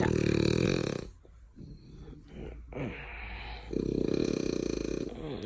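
Loud, buzzy, fluttering snores with a quieter snuffling pause between them: snoring in a flat-faced dog.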